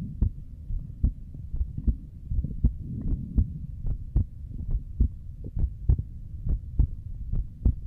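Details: Normal heartbeat picked up by a microphone during a livestream; steady low thumping about 71 beats a minute with faint hum, described as beating hard, pumping twice normally then twice very hard.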